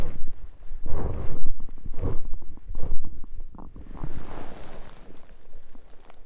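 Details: Low deep rumbling and gurgling with bubbly pops rising and fading, presented mainly as digestive rather than hunger sounds; bowel sounds (borborygmi).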